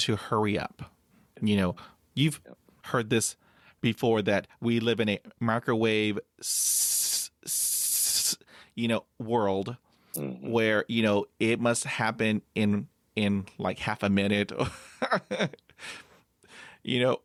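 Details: Adult man with overt stuttering, blocking on everything then breathing and moving on, stuttering even when alone, after about 20 years of speech therapy; stuttering.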